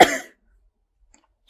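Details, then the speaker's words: A single brief, forceful cough close to a throat clear, then quiet, from a heavily addicted young female smoker with a cough and cold of recent days, shivering while smoking. "so I'm sitting here shivering but I need my cigarette I've um had a cough these past few"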